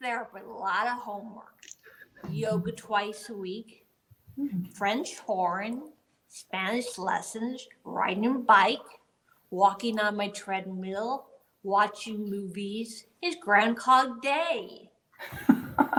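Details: Aphasia in an adult woman about 10 years after a gunshot wound to the head; auditory comprehension is a strength, while getting words out and forming sentences are hard; conversational speech.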